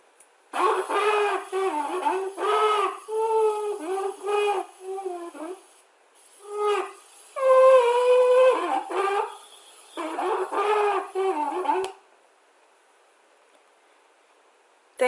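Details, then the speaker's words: Stridor, demonstrating upper airway obstruction in the pharynx or larynx, as in croup or epiglottitis: harsh, strained, high-pitched musical noises with each breath. "Stridor breath sounds are caused by obstruction in the pharynx or larynx and indicate conditions such as croup or epiglottitis. The sound that stridor produces is a strained, high-pitched sound."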